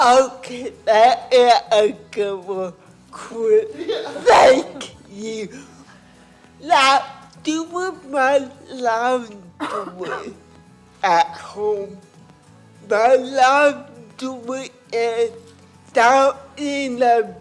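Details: Adult woman with cerebral palsy and lifelong speech impairment, who first spoke at age four and was understood early on only by her sister; dysarthria (cerebral palsy).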